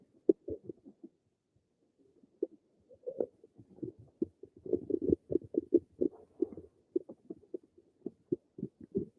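Irregular gurgling and bubbling runs of varying loudness; ordinary stomach rumbling.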